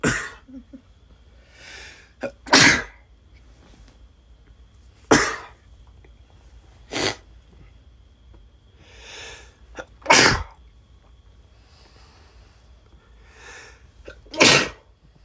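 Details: A male with allergies and the remnants of a cold sneezing into someone's shoulder or back while hugging them: five sharp, explosive sneezes several seconds apart, with softer breathy sounds between, in a quiet room.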